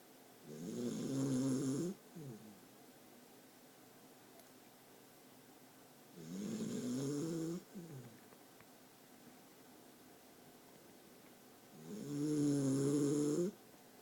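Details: New dog sleeping in owner's arms: three loud, rattling snores, about 11 a minute, separated by quiet pauses; snoring.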